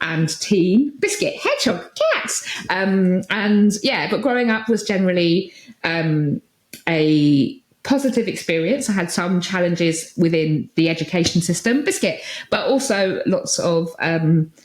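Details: Adult woman with Tourette syndrome, tics since about age 6 that intensified in her early 20s, with vocal tics of repeated words such as "biscuit" and "hedgehog" and sometimes coprolalia; Tourette syndrome vocal tics.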